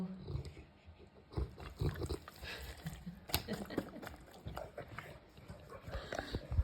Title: My St Bernard snoring! #doggietreats #stbernard